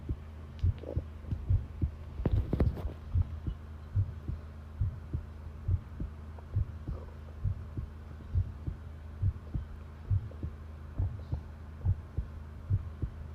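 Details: Long-duration heart sound recording of a person listening to their own pounding heartbeat: regular low thumping at about 70 beats a minute over a steady hum; normal heart sounds.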